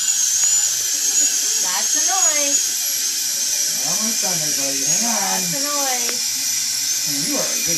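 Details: Dental drill removing caries from a numbed 6-year-old boy: steady high-pitched whine throughout while an adult talks soothingly to him.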